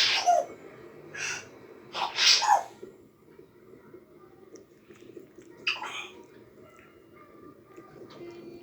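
Several short, sharp sneeze-like bursts in a quiet room, made by a parrot imitating a sneeze.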